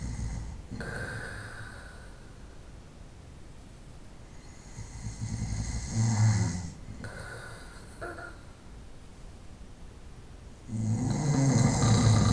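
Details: Night-time snoring recorded over about 25 minutes: low, rough snoring breaths rising and falling, with a louder snorting snore near the end over steady room noise.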